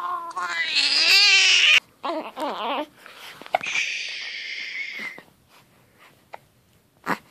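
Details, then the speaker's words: A 2½-week-old baby boy with hiccups, crying angrily over them: high-pitched newborn wails and fussing sobs fading to quiet. "Baby's got hiccups. He's angry about them."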